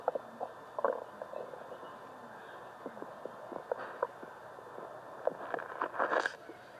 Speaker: Whoa, that growl came out of nowhere. Did you see my stomach move a little?